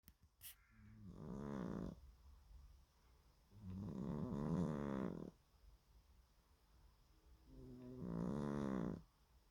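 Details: Sleeping cat snoring loudly: three slow, loud vibrating breath sounds with quiet gaps between.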